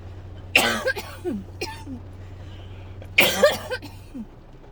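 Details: Adult who woke up coughing, has barely stopped and is likely getting sick: two harsh, dry cough bursts trailing into rough throat sounds over a steady low hum, a dry coughing fit.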